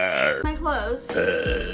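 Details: Deep burp: a deep, voiced, croaking belch broken into a couple of pulses.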